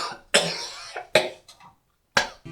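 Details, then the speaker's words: Three sharp, forced coughs in a small room from a comedy sketch, claimed in dialogue as a real cough; acted coughing. "H you hypocrite you just joined the fun no that was a real cough"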